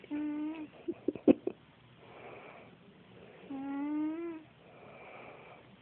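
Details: Sleeping pet cat snoring like a person: two humming, tonal snores on breathing in, soft breathy sounds and brief clicks between them.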